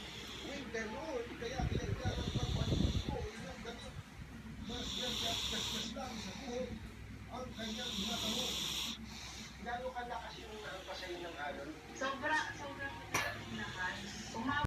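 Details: Soft, hissing breaths with faint rough flutter every few seconds over room noise from a sleeping baby; infant snoring.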